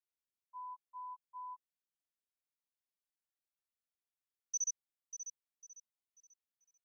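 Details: Three steady mid-pitched tones, then a high-pitched triple-pulse tone repeated five times, each quieter than the last: hearing test tones from an AirPods Pro 2 hearing test.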